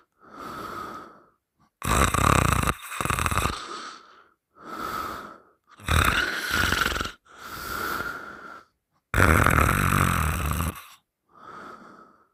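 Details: Sleeper with mouth open, boyfriend holding the nose shut three times: loud, harsh, rattling snores in repeated bursts, some whistling; open-mouth snoring during sleep.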